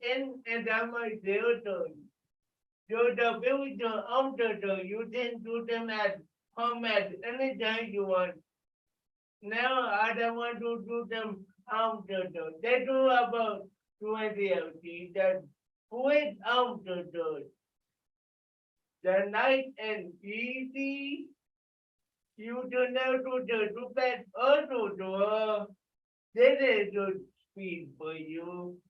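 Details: Dysarthria in an adult with cerebral palsy, calling out an exercise after being prompted to talk loudly.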